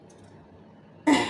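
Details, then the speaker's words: One abrupt, harsh throat-clearing cough after a quiet pause, from a woman who says she has a cold with cough affecting her voice. "और थोड़ी मेरी आवाज़ को neglect कीजिएगा, क्योंकि मेरे को सर्दी खांसी हो रही है, तो मेरी आवाज़ आप तक पहुँच नहीं पा रही है,"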